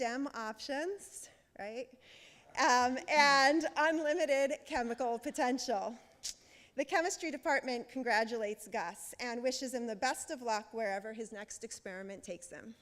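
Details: Adult woman speaking into a microphone; Normal voice.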